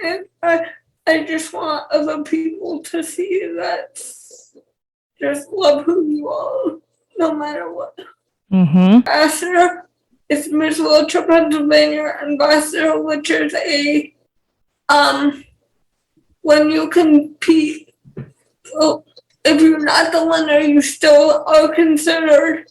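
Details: 28-year-old woman with cerebral palsy and speech issues: dysarthria (cerebral palsy).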